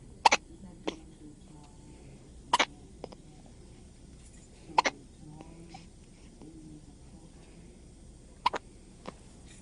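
Four brief sharp hiccup sounds, several doubled, spaced a few seconds apart over quiet room noise; infant hiccups.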